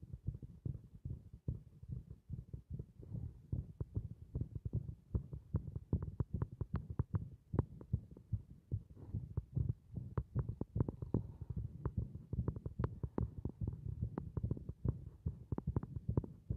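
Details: Rapid, dull, unevenly spaced heartbeat thumps with muffled rumble behind, from a heart resisting compression (chest under pressure).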